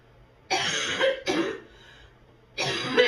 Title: Sick with a very bad barking cough